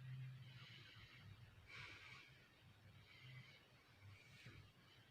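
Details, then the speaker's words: Acted imitation of snoring in a comedy short: rough, rumbling inhalations with snorting bursts, repeating about every 1.5 seconds. "te deja de roncar alejandro te estoy hablando despiértate este es mi lugar mañana me tengo que levantar temprano deja de roncar"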